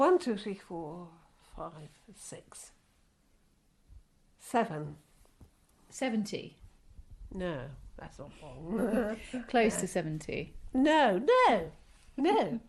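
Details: Older woman with aphasia since a stroke about 26 years ago, worsened during the pandemic lockdown; word-finding and number-naming difficulty as she counts while trying to give her age; chronic post-stroke aphasia.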